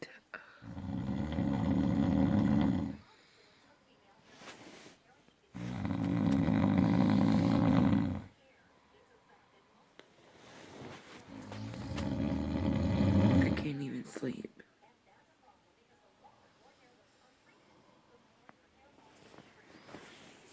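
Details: Adult man who snores in every sleep position, day and night: three long, very loud, rough, rattling snores of about three seconds each, with quiet pauses between them; heavy snoring.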